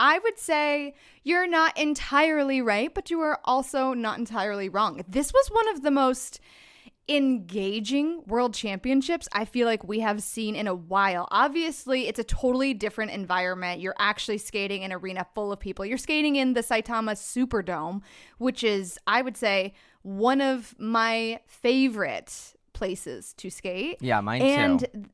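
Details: Adult woman; normal speech.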